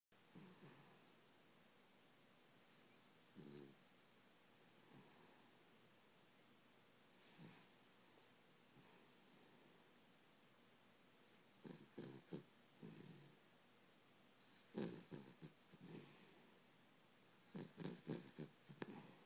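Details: A female sleeping in a quiet room with quiet, irregular snorting and snuffling breaths and soft nasal snores; snoring.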